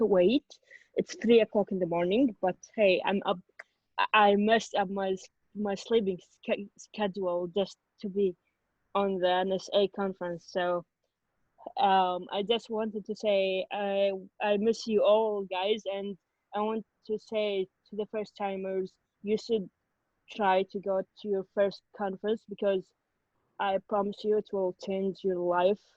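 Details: Adult woman from Kuwait who stutters, speaking English; stuttering.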